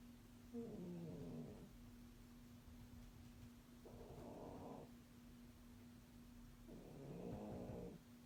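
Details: A sleeping cat snores loudly: three rough, rattling snores about every three seconds, roughly 19 breaths a minute, over a steady low background hum.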